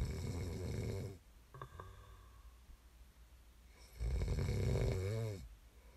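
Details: Snoring recording made as sleep ASMR: two loud, rough, rattling inspiratory snores separated by a quiet pause of about three seconds, with a click and faint room noise between.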